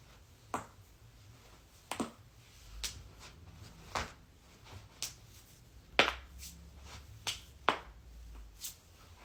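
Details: Joint cracking (cavitation) as a woman cracks joints all over her body: a series of sharp pops and cracks, about ten in nine seconds, with quiet room noise between them; harmless.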